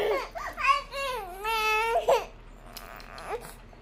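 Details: A young child, one of twins, cries in high, wavering wails while being coaxed to stop with promises of ice cream, then quiet room noise.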